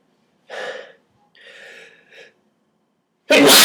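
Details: Sneezing set off by pulling nose hairs: two breathy intakes followed by one loud, explosive sneeze burst at the end.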